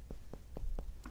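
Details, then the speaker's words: Percussion demonstration on a healthy person's posterior chest: five evenly spaced finger taps give a fairly hollow, resonant note over healthy lung. "listen for resonance in a healthy patient it's gonna be fairly resonant and you you get better at this with practice"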